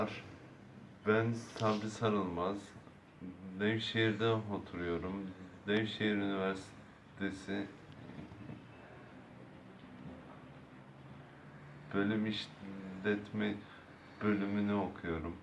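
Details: Stuttering in a Turkish-speaking university student attending stuttering treatment.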